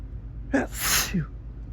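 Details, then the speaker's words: Photic sneeze reflex from looking directly at bright sunlight through a window, not allergy: a single sneeze with quick indrawn breath then a sharp explosive burst. "It's not really an allergy or anything. It's just a reflex if I look directly at the sun when it's this bright."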